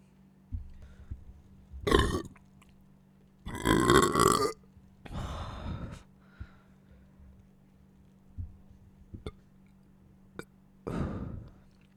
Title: burping after my meal